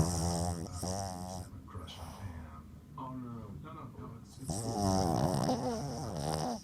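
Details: Young female dog snoring in her sleep: rattling, rumbling snores with softer breaths in between.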